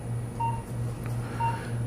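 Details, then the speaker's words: Heart rate monitor during upper blepharoplasty on a woman under oral Valium, no IV sedation: two soft evenly spaced beeps about one second apart over low room hum, pulse near 60 a minute. "She is being monitored. You might be able to hear that beep in the background. That's her heart rate."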